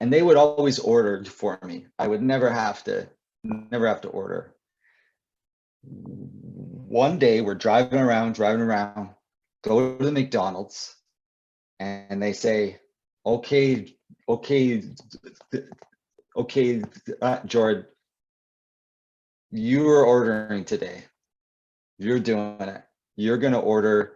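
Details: Adult male author and poet who describes himself as a person who stutters; repeated words and fillers; stuttering.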